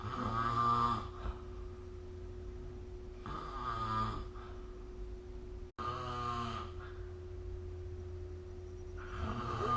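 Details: Snoring during sleep, recorded with the SnoreLab snoring-recording phone app.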